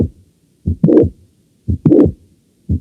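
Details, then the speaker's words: Mitral valve prolapse heard at the mitral area with the stethoscope diaphragm, patient in left lateral position: slow heartbeat with a mid-systolic click and a late systolic murmur rising gradually and ending before the second sound. "el soplo es tardío en las historia va aumentando poco a poco de intensidad y termina antes que el segundo ruido cardiel es un prolapso de la válvula mitral"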